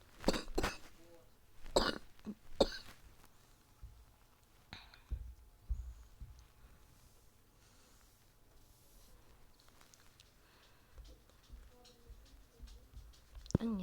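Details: A child gives about four short, loose coughs, then brief throat sounds, in a quiet room while talking during a game, apologizing for the coughing.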